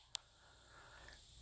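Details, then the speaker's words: Pure-tone online hearing test at 8,000 Hz and rising, played through a phone and checked on a frequency analyzer; steady very high-pitched tone, high-pitch hearing fading with age. "okay if you can hear 8,000 Hertz are both alive and not hearing impaired but let's keep raising the frequency"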